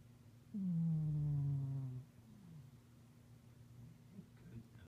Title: Moo snoring (not a growl- he's just loud.)